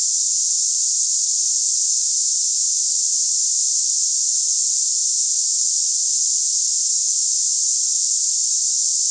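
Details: Simulated cicada-like tinnitus: a high-pitched hissing, buzzing sound offered for comparison with ringing, buzzing or hissing in the ears.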